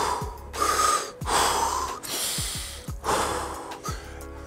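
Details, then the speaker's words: Fast, forceful, deep breaths, roughly five in four seconds, with faint music behind: a diving instructor deliberately demonstrating hyperventilation, explaining shallow-water blackout risk and saying he is already getting a little dizzy. "So what happens when you keep breathing, when you do hyperventilation? So it would look like this ."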